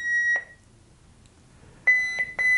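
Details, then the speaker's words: Short, high electronic beeps as a manual defibrillator is switched on in manual mode during a simulated cardiac arrest resuscitation in basic life support training, before paddle defibrillation. "so the first step is i switch it on the manual mode"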